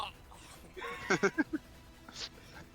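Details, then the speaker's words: Pet dog having a reverse sneeze attack: a quick run of four honking, snorting gasps. "Sorry, my dog is having a reverse sneeze attack, so apologies. Hear him?"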